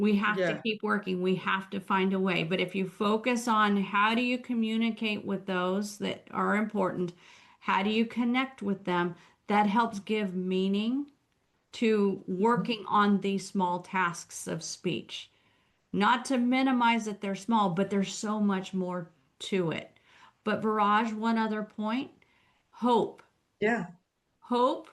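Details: Adult woman speaking; typical speech.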